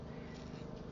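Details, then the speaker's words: Dog snoring under a desk: quiet, low rumbling snore fragment from a sleeping small dog, faint against room noise. "can you hear my dog snoring yep so they are never far from where I am especially the two black pugs"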